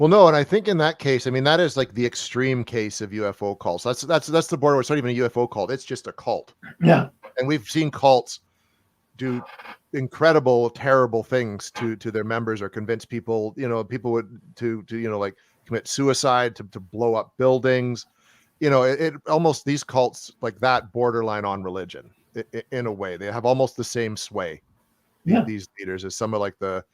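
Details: Adult man speaking; normal speech.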